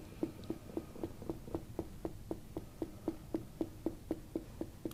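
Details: Splenic percussion (Castell's sign), slight tympanic-to-dull change.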